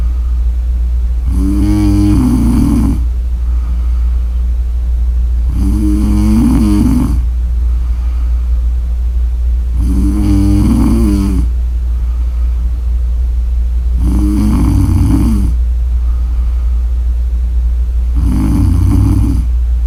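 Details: Snoring: loud, fluttering snores about every four seconds, roughly 14 a minute, over a steady low background hum.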